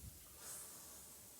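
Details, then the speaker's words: Normal breath sounds on stethoscope auscultation over the posterior chest in a respiratory examination demonstration: soft, quiet airflow while the patient breathes in and out through the mouth, over areas with normal percussion. "then we're going to auscultate and we're going to do the same as we did on the front and this and auscultate over the areas we've just precussed"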